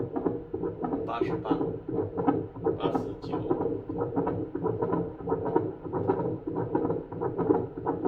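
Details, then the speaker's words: Adult's own heartbeat on a larger, louder hospital obstetric fetal Doppler placed on the chest: rhythmic whooshing pulses. Display read 81–82, then 88–89 beats a minute, with the signal briefly lost; normal heart rate. "然后读数显示心跳81下82，等一下，又跑掉了。88、89，"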